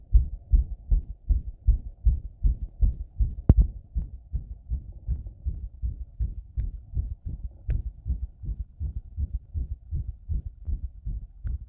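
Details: Heart sounds recorded with pressure against the chest after bathing: steady, rapid low thumping heartbeat, roughly 80 beats a minute.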